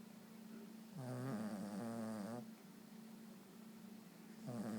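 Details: Dog snoring: a long, buzzing, vibrating breath over a low steady background, with a second snore starting at the end.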